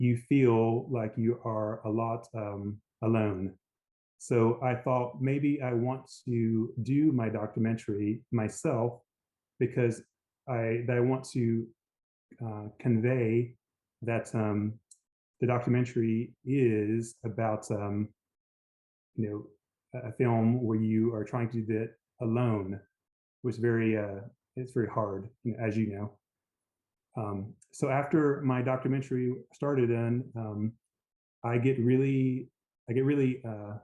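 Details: Aphasia after a stroke in an adult man, initially global aphasia able to say only yes.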